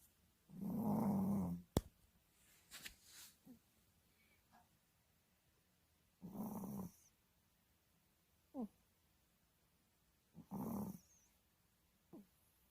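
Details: Quiet, rhythmic low snores from a sleeping female pet dog, about three snoring breaths in 12 seconds, with soft squeaks between them; ordinary dog snoring.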